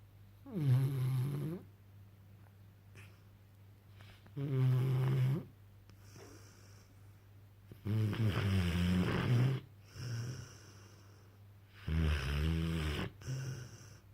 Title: Frank asleep snoring his head off with his tongue hanging out (st bermastiff puppy) 😂🐶